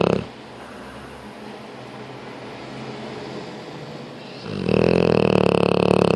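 A long, rattling, fluttering snore on the in-breath, with a quieter stretch before it; snoring.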